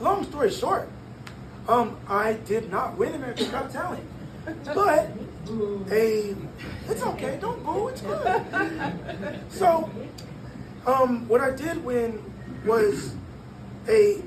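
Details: 22-year-old man born prematurely at about one pound, vocal folds developing after birth and still not closing fully; breathy high-pitched voice from incomplete vocal fold closure.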